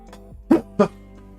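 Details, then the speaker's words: Two short, sharp coughs from an adult man who says he is very ill with sniffing and sneezing, heard over steady background music during a live stream; cough with a cold. "Sorry, I'm very ill. I'm sorry if you can hear me sniffing and sneezing and coughing. I need to like mute my microphone every time I cough, really, but I've not got like a quick way of doing it."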